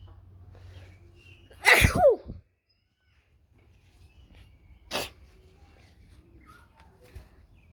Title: Wide Nose Sneezes Africa.